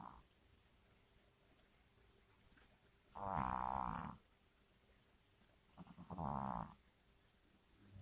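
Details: Two long, low, rattling snores about three seconds apart in a quiet room: ordinary snoring.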